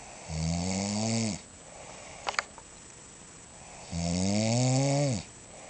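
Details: Mother snoring first, then father, both adults; two loud, rattling, low-pitched snores about a second long each, separated by quiet breathing.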